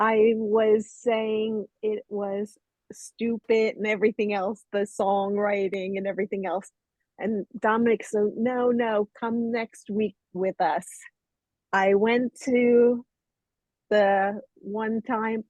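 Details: Adult woman with aphasia after a stroke 12 years ago; she had limited speech for almost 3 years, has had speech therapy since her stroke and aphasia choir singing for 4 years; aphasia.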